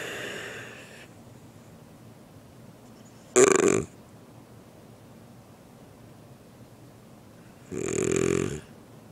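Quiet room with a few short, harsh snorting breath sounds separated by silence, consistent with snoring.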